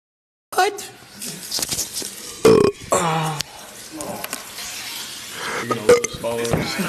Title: Burping gym boy tiktok live